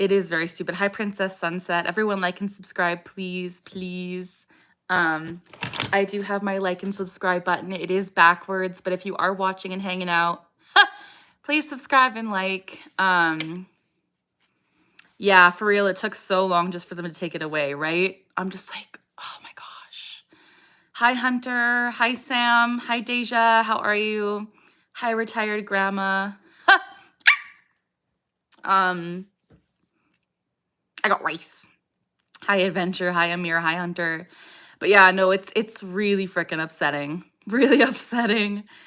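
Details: Adult woman with Tourette syndrome whose vocal tic phrase "I got rice" interrupts her speech during a livestream; vocal tic (Tourette syndrome).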